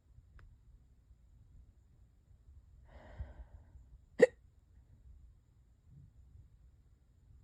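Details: Hiccups lasting hours and worsening: one sharp, abrupt hiccup in a quiet room, preceded by a soft breath; hiccups.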